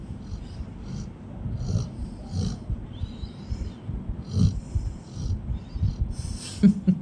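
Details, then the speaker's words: Golden Retriever puppy asleep on a bed after lunch: low rumbling snorts with soft background noise; snoring. "আমার ঘন্টু বাবুটা কিনি টুয়ে আছে। ওই দেখো নাক ডাকাটা দেখো।"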